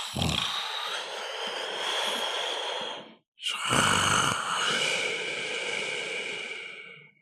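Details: Two long, harsh, noisy breaths, each starting with a low rough rattle and trailing into a hiss, separated by a brief pause; loud snoring while sleeping in the sun.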